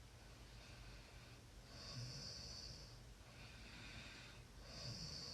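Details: Soft, low rumbling breaths with a faint hissing, whistling edge, about every three seconds over room hiss; quiet snoring during sleep.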